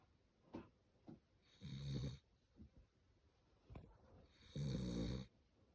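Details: A sleeping dog snoring loudly, with two drawn-out rattling snores and quieter breaths and snorts between them in a slow, uneven breathing pattern.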